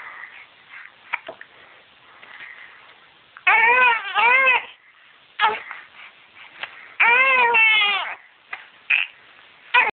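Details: 9-week-old baby girl crying while having hiccups: several short bursts of high, strained infant crying with brief quiet gaps and small catches between; infant cry.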